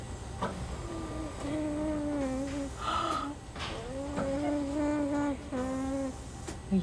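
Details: Vocalization from an infant with Werdnig-Hoffmann disease, with a Passy-Muir speaking valve in line.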